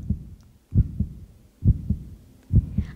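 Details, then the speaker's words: Regular low lub-dub heartbeats, about 67 per minute, steady even rhythm; a normal heartbeat played in a music lesson to illustrate constant pulse. "bineînțeles de la puls pe care cu puțină atenție îl putem simți nu doar în dreptul inimii si și la încheietura mâinii sau în zona gâtului"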